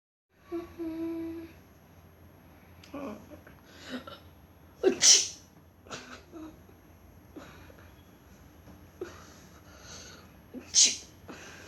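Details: Sneezing: two sharp, explosive sneezes among quieter breaths and voice sounds in a small room, in a comparison of how boys and girls sneeze.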